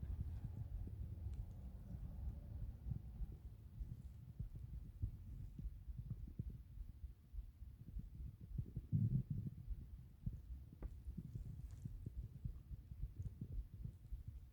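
Low, continuous rumbling with irregular gurgles, loudest midway: stomach growling, ordinary bowel sounds.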